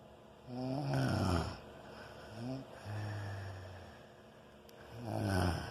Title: Can't sleep because of snoring